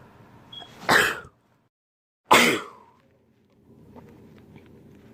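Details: Person with allergies sneezing on their birthday: two sharp, explosive sneezes about a second and a half apart, quiet room noise afterward; allergy sneezing.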